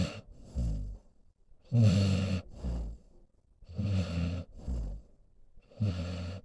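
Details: A senior male pit bull mix snoring while asleep: low rumbling snores on each breath, about 29 breaths a minute, with quieter breathing between.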